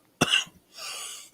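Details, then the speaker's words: Adult on a livestream: a single sharp, harsh cough followed by a breathy rush of air. "Okay, my turn to cough. Be right back. Dueling coughs."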